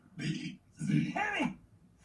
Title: (burping)